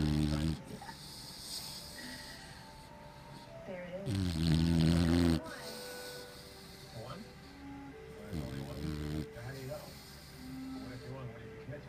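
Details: Loud snoring performed by a ventriloquist for her puppet Stratford, who blames his Mama; simulated snoring.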